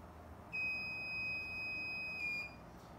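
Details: Steady high-pitched electronic beep about two seconds long, dropping slightly at the end, as a two-channel Bodyguard IV infusion pump is switched on after loading tubing; power-on tone during operation demonstration.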